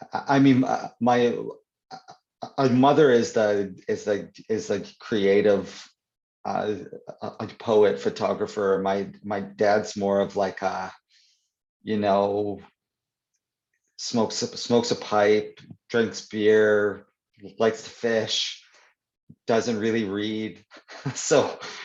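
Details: Adult man who stutters (stammers), in real conversation; stuttering.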